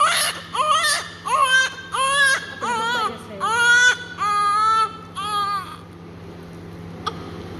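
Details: Rhythmic, strong crying bursts, about eight in six seconds, from a 2-minute-old baby girl during cleaning of blood and vernix; a vigorous normal newborn cry, with faint room hum.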